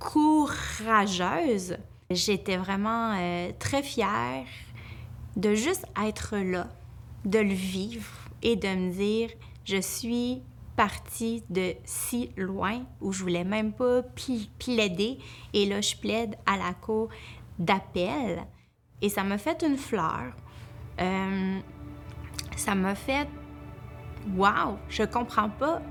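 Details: Adult woman, a family law attorney who states she stutters and that it worsens with nervousness, speaking Quebec French; stuttering.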